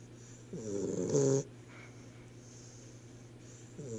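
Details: A single rising, rattling snore on a breath in, then quiet breathing and the start of the next; snoring.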